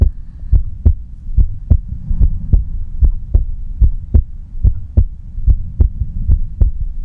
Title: 无台词｜安静听的心跳 No Talking｜Just Listen to Heartbeat